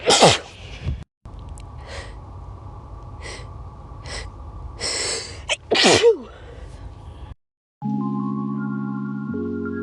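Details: Adult sneezing: two loud, sharp sneezes with an inhaled gasp, followed by a stretch of music.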